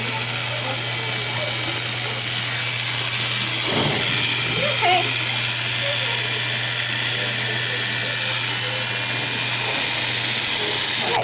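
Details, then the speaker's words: Dog admitted for routine dental cleaning: steady buzzing hum of electric clippers shaving a small spot on the leg for the IV catheter used for fluids during and after the procedure, with faint voices; electric clippers. "and then he'll have a little spot on his leg shaved where we put the iv catheter so he'll be on the fluids through the procedure and after"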